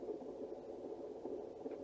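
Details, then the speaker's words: Fetal heartbeat at 33 weeks of pregnancy on a Doppler monitor during a non-stress test of a baby boy: muffled, rapid whooshing pulses, sounding normal; everything reported normal. "his heartbeat going so they're just check-in making sure everything's okay making sure he's doing good and isn't stressed"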